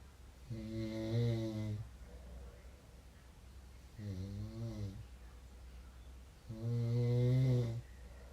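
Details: Person snoring during sleep: three deep, buzzing snores on the in-breath about four seconds apart, with quiet room noise between; ordinary rhythmic snoring.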